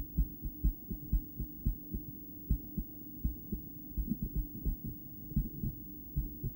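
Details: Female heart heard through a poorly placed stethoscope after breath play, going intermittently into bigeminal rhythm: beats pairing up with longer gaps between pairs, over soft breath noise.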